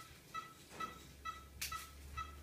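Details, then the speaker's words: Short, regular electronic beeps, about two per second, over faint room noise during a veterinary surgical neutering of a male puppy, at ligation of the spermatic cord; anaesthetic monitor pulse tones. "noise you're hearing in the background is the anesthetic monitors has some two G"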